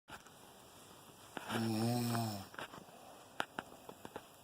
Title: Cuddly snoring